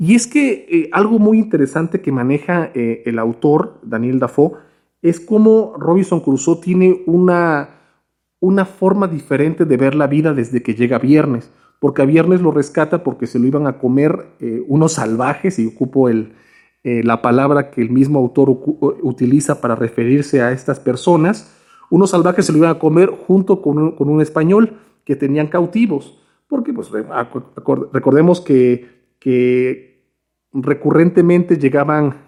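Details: Stuttering with word repetitions in a male Spanish speaker who stutters.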